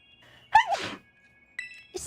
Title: Cute Sneezing, TWICE!!【Hololive Clip / Eng Sub】